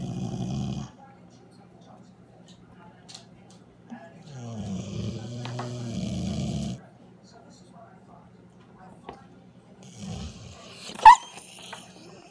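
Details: Dog snoring: two long, low, rattling breaths and a shorter third in a quiet room, with a sharp knock near the end; snoring.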